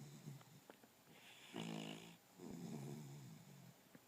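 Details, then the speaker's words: A sleeping puppy snoring: two drawn-out, rattling breath sounds with a buzzing, vibrating quality; snoring. "[Music] [Music] we have a snoring puppy on our hands"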